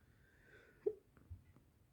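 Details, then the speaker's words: A single hiccup, an abrupt short gulping catch of breath followed by softer clicks, from an adult who says they have hiccups after drinking too much wine. "Oh, I wish I didn't have to be all hiccupy. My god."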